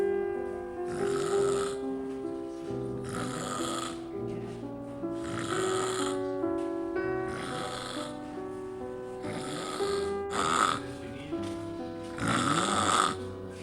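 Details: Rhythmic snoring sounds about every two seconds, set against piano music; ordinary snoring.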